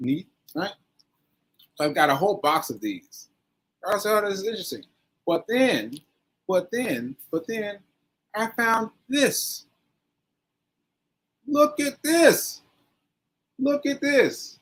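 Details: Aphasia (word-finding difficulty) in a male stroke survivor, nearly a year after a stroke on 7/14/22 (recorded 7/4/23); he is still recovering and says his aphasia makes some everyday tasks harder.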